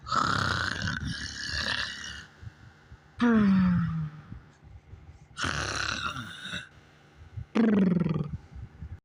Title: Fraggle rocks snoring and purring